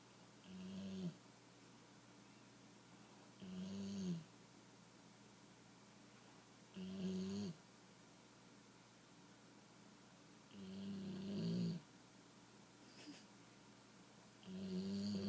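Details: Female puppy snoring in sleep after a long day: soft, regular snores about every three to four seconds, roughly 17 a minute, in a quiet room.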